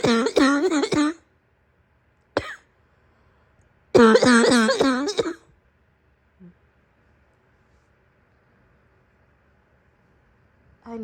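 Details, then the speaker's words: Acted (simulated) morning coughing fit by a woman role-playing a sick girlfriend in bed: voiced, harsh, barking bursts, a run of about four coughs, a single cough, then a longer run of about six. "Sure, you can use my chest as a pillow, but I warn you, my cough is very loud and my chest likes to shake when I start barking."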